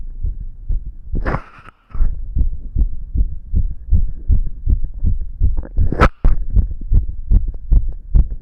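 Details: Young male's own fast heartbeat, felt and visibly pounding in his chest: fast, somewhat irregular low thumping around 150 a minute, with brief rustling; rapid heartbeat.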